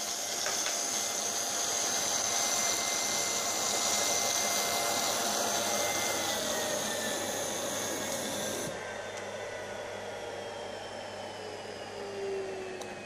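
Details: Nosiboo electric nasal aspirator suctioning 10 ml water, then 10 ml extra-strong hair gel in a demonstration: steady high motor whine with suction hiss that drops in pitch partway through; nasal aspirator running.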